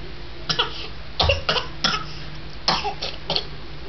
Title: fake cough 001